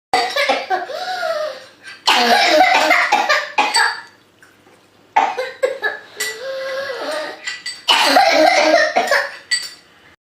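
Rapid bursts of coughing, each run followed by a high-pitched, drawn-in whoop, typical of whooping cough.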